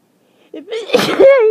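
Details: Morning allergic sneezing from end-of-summer pollen: quick inward breath, then one loud wet sneeze ending in a voiced cry.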